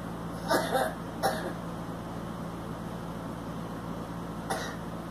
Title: Girl smoking and coughing